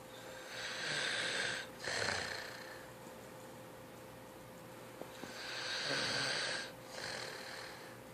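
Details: Little brother snoring in sleep: hissing, snorting snores on long breaths, about two in eight seconds, with a faint steady hum in the room.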